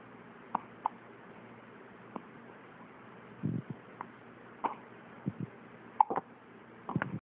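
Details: Hiccups: several brief, sharp, hiccup-like clicks and catches at irregular intervals, about eight in seven seconds, in a quiet room.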